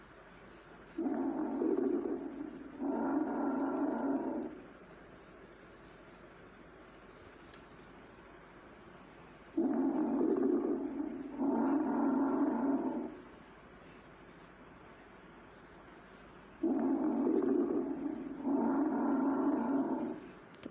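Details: Crackles (crepitations).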